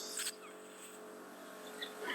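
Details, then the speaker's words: Portable ear microsuction machine running during endoscopic ear wax and skin removal on a home visit for a woman with limited mobility; steady buzzing motor drone like a small motorbike, with brief hissing bursts. "which is why the noise you can hear in the background that's my portable suction machine sounds a bit like a little motorbike it's not quite as powerful as the one having Clinic as well unfortunately"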